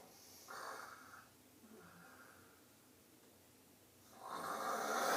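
Two rough, snorting breath sounds separated by a few seconds of quiet breathing; snoring.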